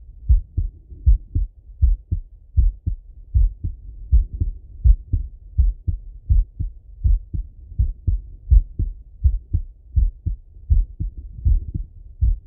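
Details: Full heart auscultation through a stethoscope on a male, recorded either sitting at a desk or lying in bed: clear, regular lub-dub pairs at about 80 beats a minute with no extra sounds between them, normal heart sounds.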